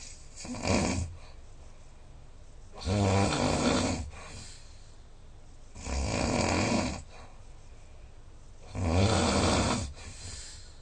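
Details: Snoring recorded overnight with a snoring-monitor phone app: about 6 hours' sleep, snoring ~4h40m (84%), snore score 145; four loud rumbling inspiratory snores, ~20/min, quiet gaps between; heavy habitual snoring.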